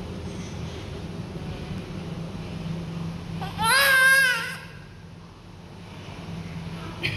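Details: Newborn on the first day at hospital gives a single loud, high wail lasting about a second over steady room hum; an ordinary newborn cry.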